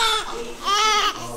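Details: Strong, clear, high-pitched wailing cry of a healthy newborn girl just delivered by C-section, taken to the warmer.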